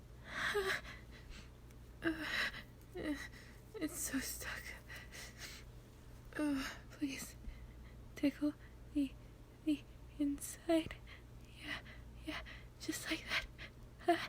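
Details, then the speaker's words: Acted, simulated female performance of a stuck sneeze ("please make me sneeze", itchy nose): repeated whispered sharp in-breaths and gasps building toward a sneeze; gasping. "My sneeze has been stuck all day. Oh, wait. God, please can you make me sneeze? I'm just so itchy."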